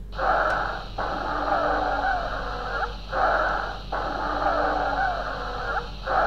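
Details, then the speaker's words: Stridor sound played twice during chest auscultation teaching. "strider please streeter once again"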